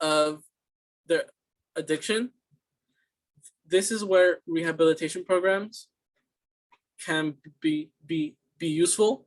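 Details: Student answering interview questions in a fluency speech sample for a communication disorders class, with repeated words and phrases; stuttering (disfluent speech).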